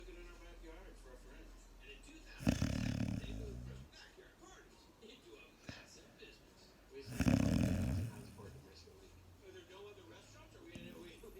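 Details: Two loud, low, rumbling snores about five seconds apart from a sleeping Staffordshire bull terrier, with quiet breathing between them.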